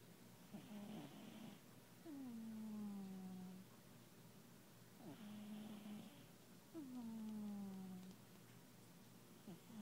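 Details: A sleeping pet, Smeagol, snoring during a nap: slow and regular at about 13 breaths a minute, with a raspy intake and a whistling, falling-pitch outward breath.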